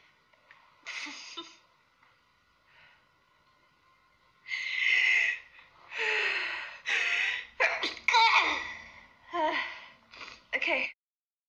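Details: Sneeze series: several sharp inhaled gasps, each followed by a forceful, explosive sneeze burst.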